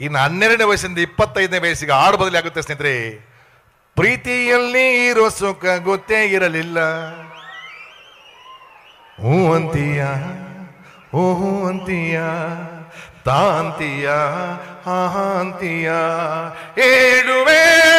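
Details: Comedian imitating a schoolboy who sings with faltering or lisping speech (todalu) in a comedy act; speech sound disorder (imitated).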